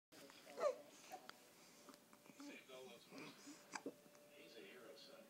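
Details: Young child babbling softly in a quiet room, broken by a few brief, abrupt catching sounds; hiccups, which the child is said not to like.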